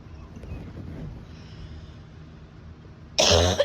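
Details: Adult with acute bronchitis about 10 days after a summer head cold moved into the chest; after three seconds of quiet, one loud, harsh, forceful cough.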